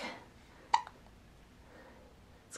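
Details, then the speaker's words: A single brief, sharp click-like hiccup in a quiet room from a smiling baby girl being held up; ordinary, harmless infant hiccups. "oh we got hiccups we got hiccups let's get you up right uh oh hiccup you can smile through the hiccups right can you can you smile through the hiccups"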